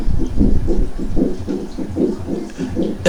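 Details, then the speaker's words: Teaching demonstration of added heart sounds: easily heard but confusable with other sounds; pericardial friction rub. "es el ruido lo que nos daría a nosotros un frote pericárdico desde luego que es un ruido que se puede apreciar fácilmente pero se puede confundir con muchos otros ruidos"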